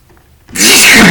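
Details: Adult man who had a few drinks, sneezing while talking: a quiet lead-in, then a loud, explosive sneeze burst of hissing air.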